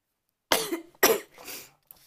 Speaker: my chest is really tight as you can hear I've got really bad chesty cough